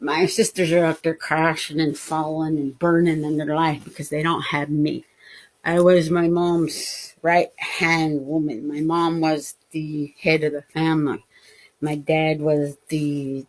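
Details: Adult woman with non-fluent (Broca's type) aphasia after a left-hemisphere stroke, with mild word-finding pauses.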